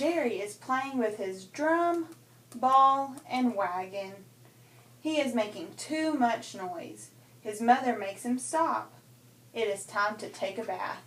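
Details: Adult female examiner reading aloud; typical speech.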